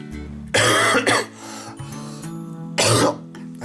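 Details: An adult who is getting better from an illness but still has a horrible cough: three loud, harsh coughs, two close together and then one more, over soft background music.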